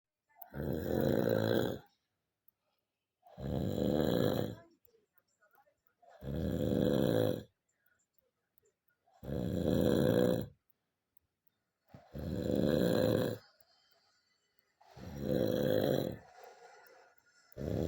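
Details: Loud, regular rattling snores, about 21 a minute with silent pauses; cartoon animation sound effect, not a real recording.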